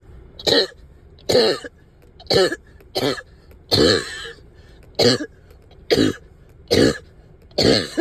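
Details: Wet productive cough, up all night with heavy chest, headache and stubborn sticky phlegm: nine short harsh cough bursts about a second apart, some rattling and phlegmy.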